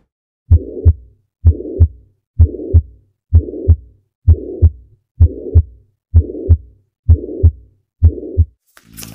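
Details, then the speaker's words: Tricuspid regurgitation heard at the fourth intercostal space, left sternal border: regular heartbeat near 64 per minute with a blowing murmur filling systole between the heart sounds. "this osculation point is best to hear the tricuspid valve and the murmur likee tricuspid regurgitation now let's hear the tricuspid regurgitation"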